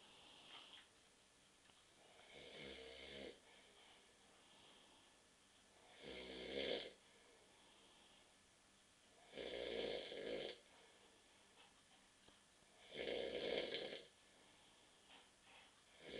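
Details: Adult man (husband) asleep on a sofa on a Saturday night at 9:30 pm after drinking too many beers; four rattling snores on each inward breath, roughly 15 breaths a minute, quiet room noise between; ordinary sleep snoring.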